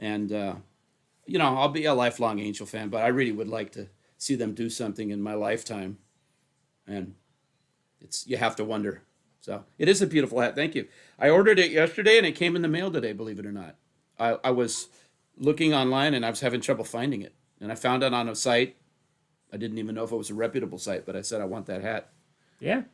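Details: Adult man speaking; Normal conversational speech.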